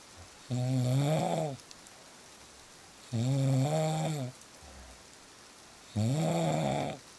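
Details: Real snoring sounds of a sleeping person, recorded to help listeners fall asleep; snoring.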